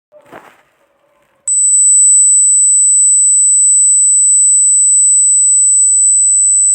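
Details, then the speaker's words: Simulated tinnitus: a steady high-pitched ringing tone, likened to buzzing of flies or bees or loud noise heard in the ear without an outside source. "आप लोगों ने सुना होगा किसी ना किसी से, या फिर कभी आप लोगों के साथ भी ऐसा हुआ होगा कि कान से अचानक से जैसे मक्खी की भिनभिनाने की आवाज़, मधुमक्खी की आवाज़, या फिर बड़ा सारा शोर हो रहा है।"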